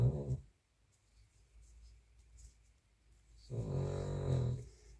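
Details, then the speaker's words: Sleeping dog in the background of a room recording on a gloomy day: two low, rumbling snores, each about half a second to a second long, separated by a few seconds of quiet. "Today, we'll be accompanied by a dog's snoring. And today, while I'm recording, the weather is so bad you can only sleep, so you'll sometimes hear that snoring ;)"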